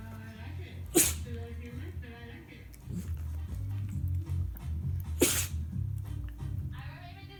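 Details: Sneezes brought on while trying hard to get a companion to play: two sharp sneezes about four seconds apart over background music and low room noise.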